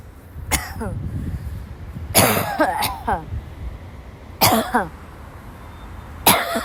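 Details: A sick young woman who woke up ill has a violent dry coughing fit in class: four bouts of harsh, explosive coughing, each two or three coughs ending in a strained vocal catch, over light background noise.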